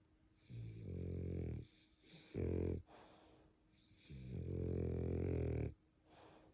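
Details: Loud, rattling snores on each breath in from a sleeping French Bulldog in a quiet room.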